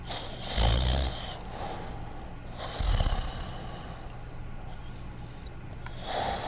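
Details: Cartoon sound effect, not a real recording: Dogtanian snoring quietly in the 1986-1989 animated series, two slow, low rumbling snores a few seconds apart over a quiet room.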